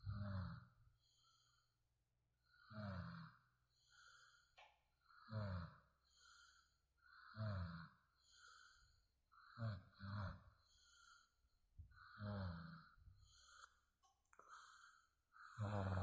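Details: Snoring: steady rhythmic snores, about seven in sixteen seconds, each a rattling inhalation followed by a quieter breath out.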